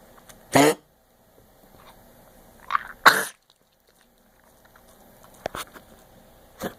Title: kennel cough